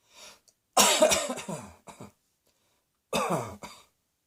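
Two short runs of voiced, somewhat hoarse coughs, about seven coughs in all, with a light throat-clearing quality.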